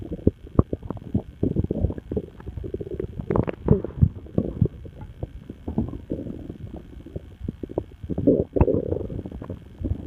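Loud, near-continuous gurgling and rapid bubbling pops with rolling rumbles throughout; very active stomach rumbling.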